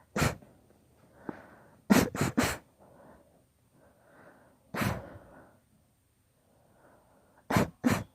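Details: About nine forceful sneezes in clusters, separated by audible sniffing in-breaths, in a long deliberately induced sneezing fit; sneezing fit.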